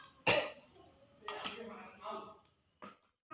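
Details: Simulated nursing OSCE demonstration of effective cough on a male patient, right hand on chest and left on abdomen, after three deep breaths: a sharp deliberate cough, then a second burst with throat noise, to clear airway secretions.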